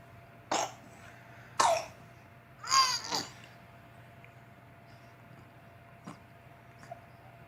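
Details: 5-month-old infant with upper respiratory infection, bad cough and stridor: several harsh coughs, one followed by a strained, voiced catch of breath; cough.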